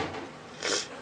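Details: A 2-week-old newborn gives a single short, sharp catch of breath with a soft squeak over quiet room noise: a hiccup.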